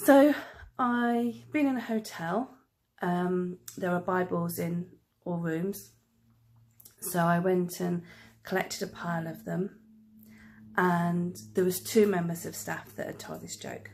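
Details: Adult woman who stammers, real stammering; finding: stammering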